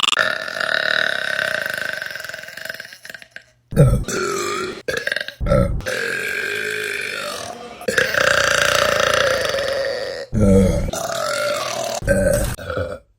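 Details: Burping compilation: several long, loud, voiced belches in a row with short pauses between them; repeated burping.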